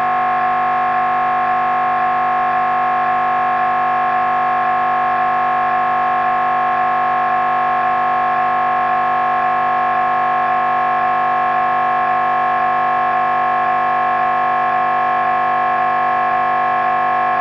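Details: Loud, steady mechanical buzzing with rapid rhythmic knocking at about 150 pulses a minute: normal gradient noise of an MRI scanner during a brain scan.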